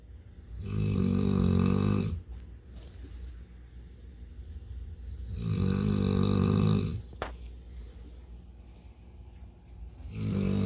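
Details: Loud, low, buzzing snores on each in-breath, about 13 breaths a minute, with quiet exhalations between, from a sleeping dog lying in a cone (radar dish of shame): ordinary snoring.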